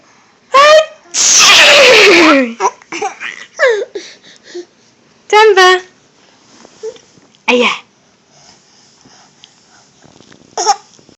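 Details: An adult's fake sneeze, one loud and forceful, followed by a 9-month-old baby giggling and laughing in a small room; sneezing.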